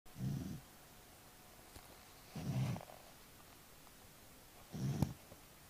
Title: snoring dog